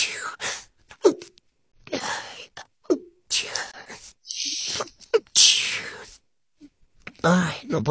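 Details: Rapid series of sharp sneezes from a female, separated by short silences, with voiced gasps and moans between them; sneezing compilation.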